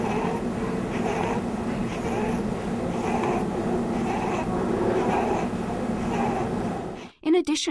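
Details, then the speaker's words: Child with cough or difficult breathing: rapid noisy breathing with a musical whistle on each breath out, possibly with prolonged expiration: expiratory wheeze. "The we sound is often described as a musical sound made as the child breathes out. Notice that we is always heard as the child breathes out, but that the actual character of the Wii sound can vary from child to child."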